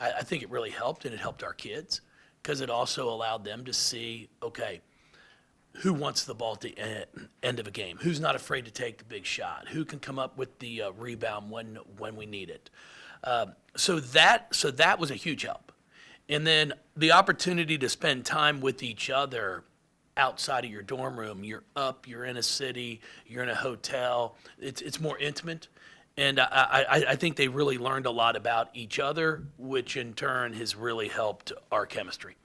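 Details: Adult man with lifelong stuttering, speech therapy from first to eighth grade, now much improved; he anticipates which words he will stutter on and substitutes them; stuttering.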